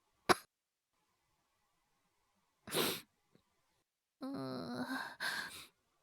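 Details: Acted cough (all performed) by a male VTuber voice actor in a cough-voice ASMR compilation: a single sharp cough, a breathy gasp, then a drawn-out voiced groan and exhale in a quiet room.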